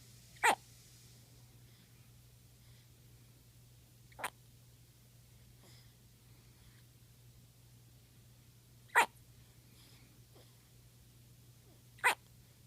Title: Hiccups!